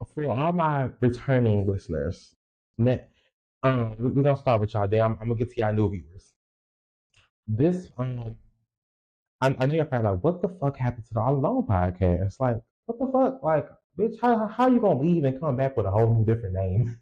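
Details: Stuttering in an adult male podcaster who reports a lifelong speech impediment, real unedited speech.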